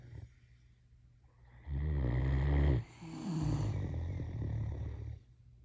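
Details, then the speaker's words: Female Great Dane asleep, caught snoring for the first time: deep rumbling snore on the in-breath, then a long fluttering out-breath; snoring. "We've got snoring going on."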